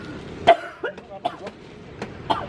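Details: Acted cough in a prank faking coughing up blood at a coffee stall, outdoors: a few short, forced cough bursts with throat noise between; not real illness.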